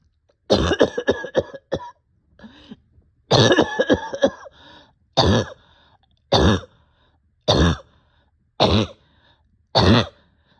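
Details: Adult short of breath coughs in two rapid harsh volleys, then five single forceful coughs, with faint gasping breaths between: barking cough.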